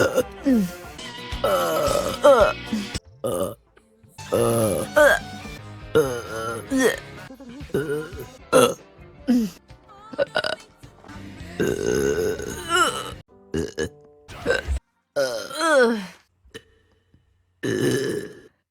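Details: Female livestreamer, compilation of clips from her streams: a rapid series of about a dozen loud, voiced burps with background music; repeated belching.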